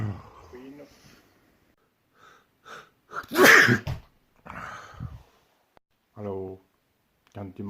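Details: A sharp inward gasp leads into one loud, explosive sneeze, followed by softer breaths and a few vocal sounds in a small room. Sneezing.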